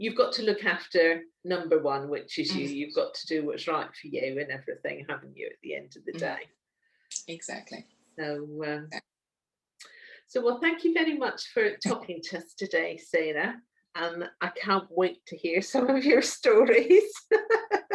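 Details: Adult woman speaking; normal speech.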